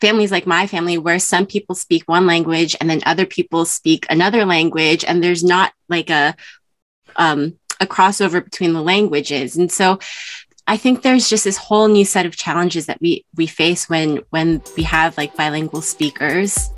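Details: Adult woman speaking; typical speech.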